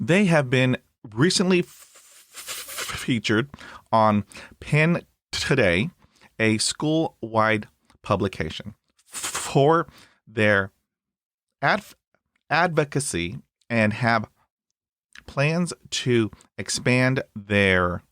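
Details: Stuttering in an adult host of a podcast by and for people who stutter.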